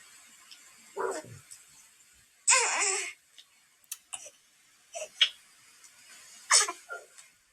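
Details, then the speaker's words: Newborn daughter recorded at night during active sleep, grunting through most nights: short grunts, squeaks and a strained moan; she sounded in distress but was asleep; normal newborn active-sleep grunting. "so that would happen just about every night we put her down and we'd hear that through the night and the funny thing was when I looked at her she was a sleep she actually sounded in distress"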